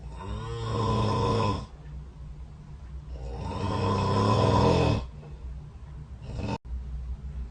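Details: Recorded overnight by a snore-tracking phone app set next to the bed: two long, loud rattling snores on breathing in, with quieter breathing between; ordinary snoring.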